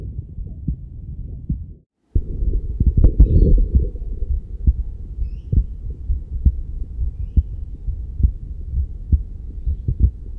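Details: Steady low heart thumps at about 65 a minute, heard through a Stemoscope or Stemoscope Pro digital stethoscope and played through iPad speakers without headphones during a side-by-side comparison; normal heart sounds.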